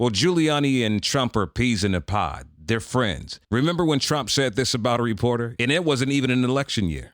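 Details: Adult male speaker; typical speech.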